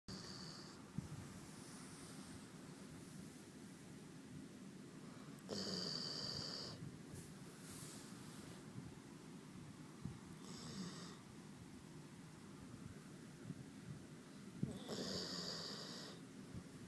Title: Blue Snoring